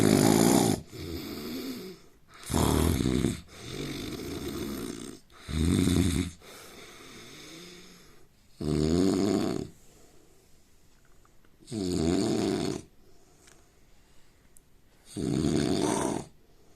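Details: Sleeping adult Indian man with loud, regular rasping snores, about six snoring breaths with quieter exhalations between; snoring.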